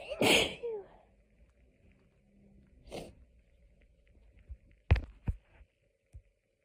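A strong sneeze with a drawn-in breath, then a softer sneeze and a few sharp sniffs or catches; hay fever sneezing.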